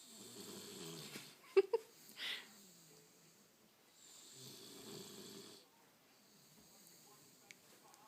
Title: Bulldog snoring